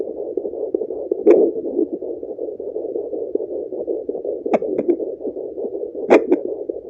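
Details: Fetal heartbeat checked at home with a fetal Doppler: rapid, regular whooshing beats. The slower, lower sound in the recording is said to be the mother's, not the baby's.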